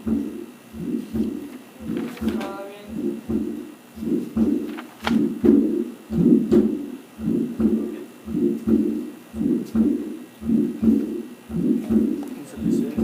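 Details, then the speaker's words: Male patient with coarctation of the aorta and accompanying aortic insufficiency; bounding collapsing pulses, hypertension, diminished femoral pulses; at aortic area, rushing early (protosystolic) systolic ejection flow murmur, regular rate near 56/min. "Tiene un sonido de eyección, un soplo sistólico expulsivo de flujo, es protosistólico y con un sonido de escape."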